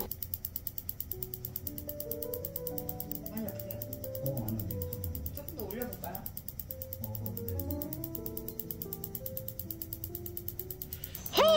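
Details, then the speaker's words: Extracorporeal shockwave therapy on a painful heel for plantar fasciitis: fast, steady mechanical clicking pulses over background music and faint talk. "여기 병원에 오면 충격파 치료 장비가 있는데 이게 정말 물건이더군요. 뒤지게 아픈데 효과는 확실했습니다."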